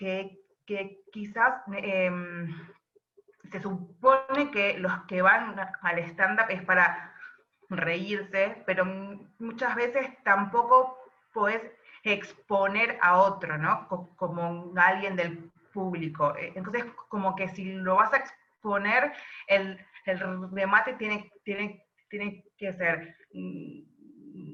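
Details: Adult woman who stutters, speaking Spanish; stuttering.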